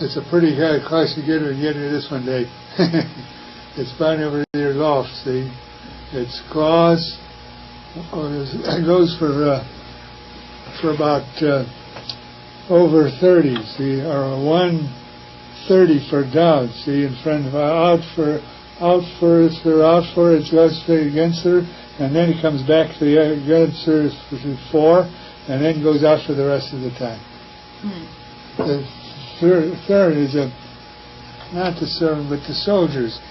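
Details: Fluent speech with made-up words and empty phrases, unaware speech is nonsense, hears but cannot understand; possible causes given are temporal-lobe stroke, intoxication or thiamine deficiency; Wernicke's (receptive) aphasia.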